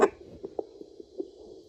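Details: Rapid, soft, rhythmic pulsing over steady hiss: a fetal heartbeat picked up with a home fetal Doppler at 9 weeks 6 days of pregnancy. Fetal heartbeat.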